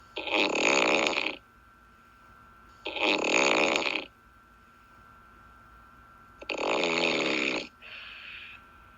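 Three loud, rasping snores about every three seconds with a shorter fourth, each followed by quiet pauses; a steady hum runs underneath.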